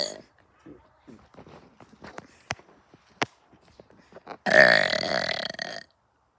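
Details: Soft clicks and mouth noises, then one loud, rough belch lasting over a second; ordinary burping.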